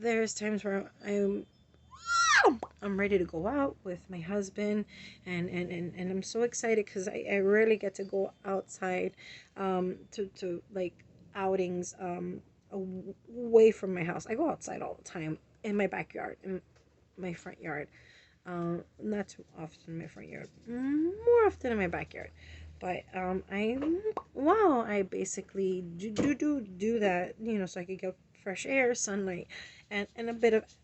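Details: Adult woman with vocal tics; repeated interjections and tic-related stuttering repetitions; vocal tics with repetitions.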